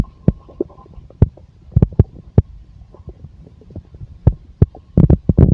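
Irregular low gurgles and short popping sounds from the belly over a faint steady hum; ordinary bowel sounds of a full stomach.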